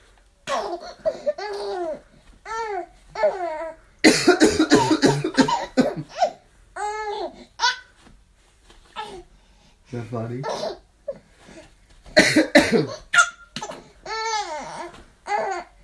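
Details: Father's deliberate, put-on adult coughing in two runs, each answered by his baby daughter's bright, squealing laughter.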